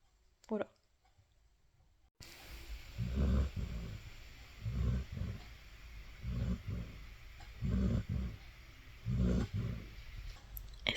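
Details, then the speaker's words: Snoring from a cuddling sleeper in a home vlog; snoring. "que vous entendez les ronflements ça ça tu as les yeux tout rouges ou main il fait des câlins et il ronfle"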